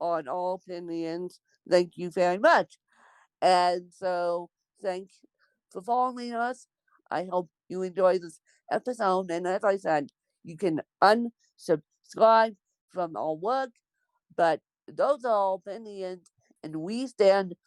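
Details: Dysarthric speech in an adult woman born with cerebral palsy.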